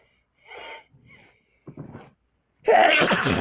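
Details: During cleaning, a few short breathy build-up sounds and gasps, then one loud forceful sneeze.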